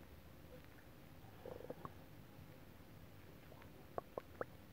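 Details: Normal bowel sounds after eating a whole pot of Japanese stew soup, recorded from the belly with a TV faintly audible: soft gurgles, then several small pops and bubbling, quiet room hiss.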